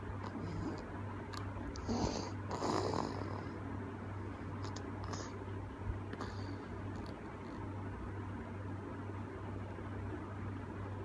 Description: 2 months old baby girl is snoring aloud. Enjoying her sleep time.